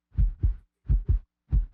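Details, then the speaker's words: Regular paired lub-dub heart sounds, about 85 a minute, illustrating atria beating in a coordinated way when not fibrillating; a normal heart rhythm contrasted with atrial fibrillation. "Atrial fibrillation क्या है? खैर, यह आपके atria है जब वे फाइब्रिलेट नहीं कर रहे हैं।"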